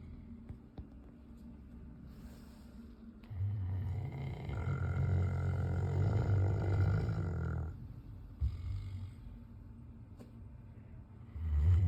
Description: Snoring South African Mastiff